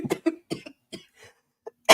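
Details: Cough from a never-smoker whose long-standing airway problem (something that doesn't close properly) began after a respiratory infection at age 13: a run of short, rough coughs, about four bursts, then quieter throat sounds and another cough onset.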